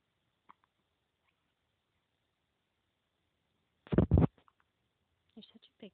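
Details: Baby boy, born at 7 lb 14.6 oz, hiccups, recorded on a phone camera.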